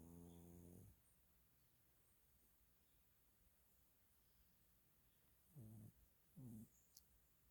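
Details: Soft, low rattling snores, one long and two short, with quiet breathing between, from Simon, a dog napping; snoring.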